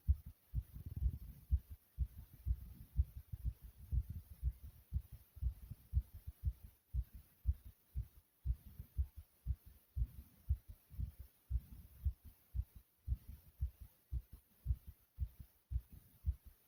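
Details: Person's own heartbeat recording: soft, regular low thumps at about 120 a minute; a fast heartbeat.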